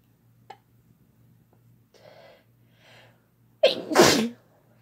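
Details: Quick inward breaths build up, then one loud explosive sneeze, in a recording of repeated sneezes answered with "bless you" between a man and a woman.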